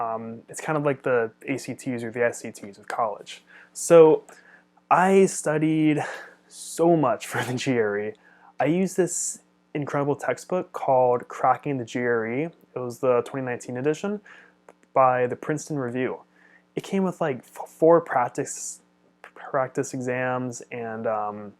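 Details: Adult man who stutters and studies speech-language pathology; his stutter fluctuates over weeks and months; stuttering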